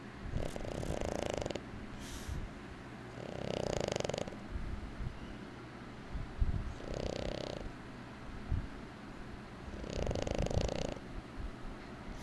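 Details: Slow, rhythmic rumbling snores about every three seconds, roughly 20 a minute, in a quiet room; snoring.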